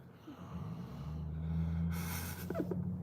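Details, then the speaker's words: Adult man (husband) snoring in the background of a quiet room after falling asleep while reading; possibly Oscar instead. Low, rumbling snore ending with a brief snort. "I don't know if you can hear my husband snoring he fell asleep um reading so don't mind the snoring might even be Oscar I wouldn't be surprised at that point"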